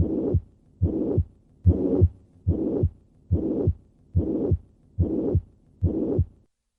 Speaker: in summary mitral regurgitation presents with a holosystolic murmur of constant intensity which is heard best at the cardiac apex